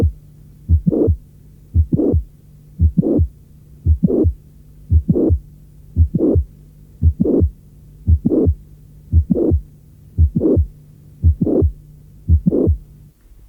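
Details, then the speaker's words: Teaching recording: late systolic murmur of mitral regurgitation beginning with a mid-systolic click, the click possibly produced by the mitral valve and chordae tendineae; such clicks and late systolic murmurs were once considered non-pathological. "Parfois, le souffle débute par un clic mésosystolique. Des études récentes indiquent que ce clic accompagnant le souffle pourrait être produit par la valve mitrale et les cordages tendineux."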